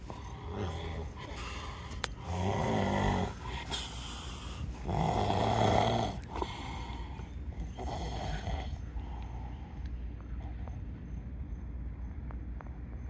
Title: Snoring Brother Beach Trip Part 8